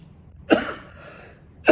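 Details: Adult cough: two sharp, explosive, harsh, dry-sounding bursts, the second cut off at the end.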